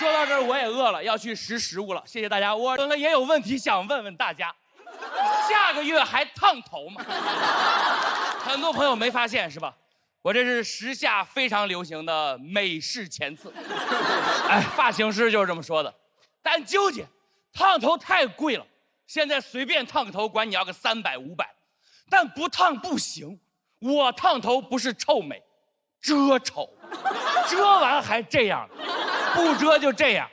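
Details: Adult male stand-up comedian on stage; normal speech.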